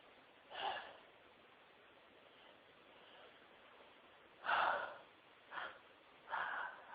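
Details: Person who has been sneezing all day at work: several short, breathy, muffled bursts with gasping intakes between, a run of sneezes during a sneezing fit.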